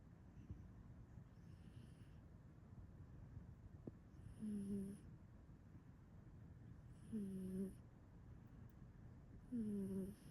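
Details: Sleeping male cat snoring: three soft, low snores about every three seconds, roughly 20 breaths a minute, over steady background hum.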